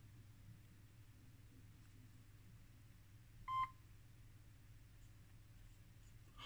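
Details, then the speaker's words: Old Siemens Sirecust BS1 patient monitor (EKG/EEG) being switched on during a teardown test: a single short electronic beep over quiet room hum, its normal power-on tone; patient monitor power-on beep. "so let's just power it up and see what happens um means is applied and then I flip the that's exactly this little bbdp"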